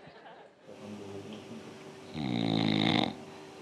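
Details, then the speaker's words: Adult snoring recorded as an example of obstructive sleep apnea: one loud, low-pitched, buzzing rattle about a second long over quiet room hum. "Are there any married folks in here? I mean, somebody's got to be sleeping with this noise every night."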